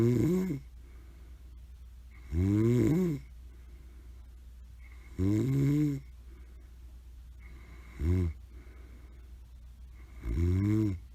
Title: ばあちゃん👵のいびきとハムスター🐹／Grandmother's snore and hamster